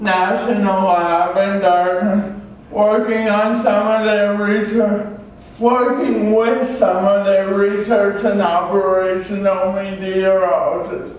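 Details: Adult male with cerebral palsy from oxygen loss at birth (umbilical cord around throat), a type with muscle stiffness and irregular movements, signs noticed around age 1, after extensive speech therapy: dysarthria (cerebral palsy).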